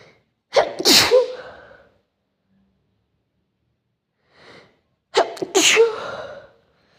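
Two sharp, explosive sneezes a few seconds apart, each preceded by a quick inward breath.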